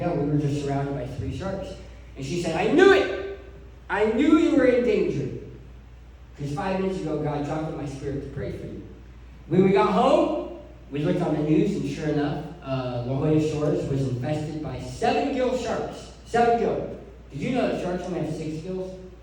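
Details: Adult man who lost 80% of his tongue to cancer, with a permanent articulation disorder after partial glossectomy.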